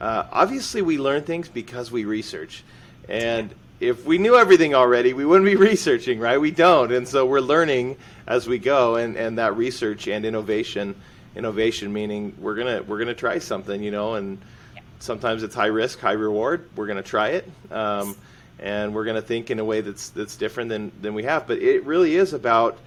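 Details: Adult male speaker; normal speech.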